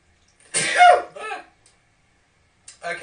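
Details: Two men sneezing, one jokingly called allergic: sharp burst of breath with a voiced cry at its peak, then a shorter follow-up and start of another; sneezing.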